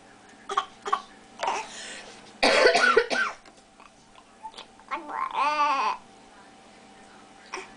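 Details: Young child imitating a parent's cough after hearing it over several days, a faked cough amid laughter, not a real illness cough.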